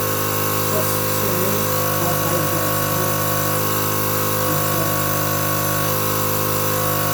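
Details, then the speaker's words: Steady loud motor hum and whine of a portable electric suction machine running, used for deep tracheostomy suctioning. "Ah oui, c'est bruyant mais écoutez, il faut respirer dans la vie. Et puis ça ça fait la petite machine euh à succion."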